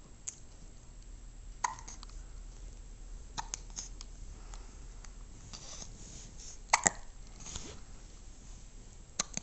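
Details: Baby girl gets hiccups again after being dressed and eating breakfast: brief sharp hiccup sounds recurring at irregular intervals over steady background noise.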